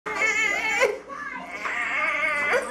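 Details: Young child crying loudly after falling while running outside: high-pitched sustained crying with a sobbing break, a distressed cry of pain.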